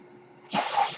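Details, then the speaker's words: Mechanical ventilator breath cycle heard behind an adult male podcaster speaking, who says the noise is his ventilator. "hello everyone my name is hard that noise you're hearing is my ventilator"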